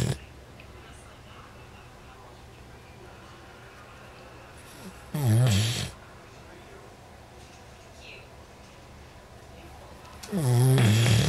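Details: Two loud, low vibrating snores about five seconds apart, separated by quiet breathing; a man snoring in sleep with a slow breathing rhythm.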